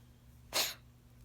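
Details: A pet cat with a cough: a single short, airy, explosive cough in a quiet room.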